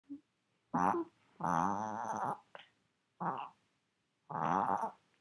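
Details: Maltese dog having a reverse (inverted) sneeze: repeated harsh honking, snorting breaths in bursts, resembling an asthma attack.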